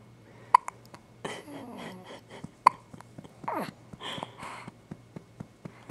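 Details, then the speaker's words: Newborn girl with hiccups after being burped by her father: sharp, abrupt little clicks every couple of seconds, with soft adult murmuring and cooing between them. "Hi, baby. Oh, there's a smile. Hi. Hey, sweetie. And the hiccups. Oh. Gotta breathe, girl."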